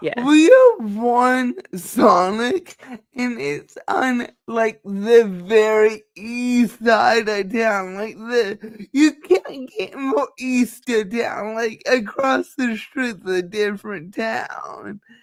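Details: Dysarthria in a speaker who states they have cerebral palsy and that nothing can be done about it; finding: dysarthria (cerebral palsy).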